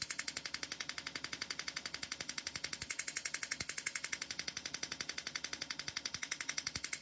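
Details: Steady run of sharp, evenly spaced snapping pulses, about 170 a minute, from an Erbium YAG laser removing an epidermal nevus in a female patient under anaesthesia: laser pulses firing.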